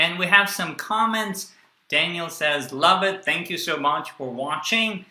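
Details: Adult speaker; Normal fluent speech.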